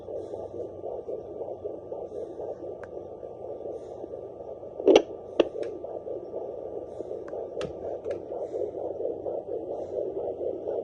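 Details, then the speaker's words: Handheld Doppler on a pregnant female dog, confirming pregnancy: fast, steady whooshing pulses of a puppy's fetal heartbeat, with a few probe-handling clicks. "Do you hear it? That sound right there is one of the puppy, one of the fetus's heartbeat."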